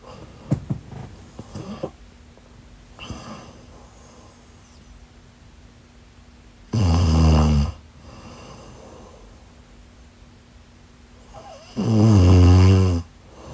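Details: Loud, low, rattling inspiratory snores, two heavy ones in about 14 seconds, quieter breathing between, faint steady room hum; snoring.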